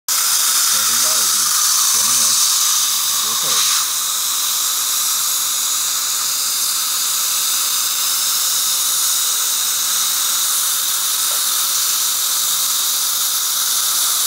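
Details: Solea dental laser running during a dental procedure: steady high hissing with a faint pulsing hum, broken by a few brief sounds early on.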